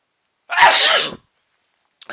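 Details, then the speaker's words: Repeated sneezing after sniffing chhinkni (snuff), with watering eyes and a runny, tickling nose: one loud explosive sneeze under a second, then a quiet sniff. "was another gigantic sneeze I still feel it tickling my nose making my eyes water my nose run and I'm going to sneeze"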